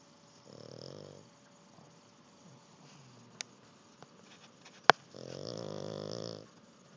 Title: Jack the Pug snores like a champion after learning to swim. (please turn up the volume.)